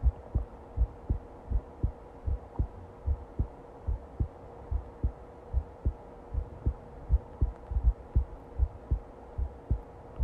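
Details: Long recording of a steady, regular low thumping heartbeat at about 80 beats per minute, with a faint background hum.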